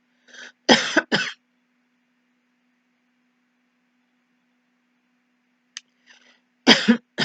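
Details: Two brief pairs of dry, short coughs from an adult actor, separated by several seconds of silence, acted as a demonstration of a short cough in contrast to a continuous cough.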